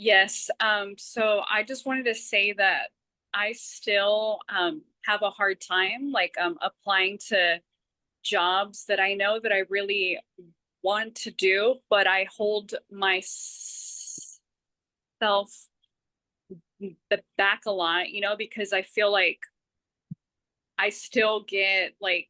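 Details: Adult woman who stutters, with part-word and word repetitions; stuttering.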